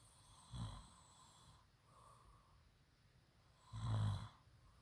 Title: low key snoring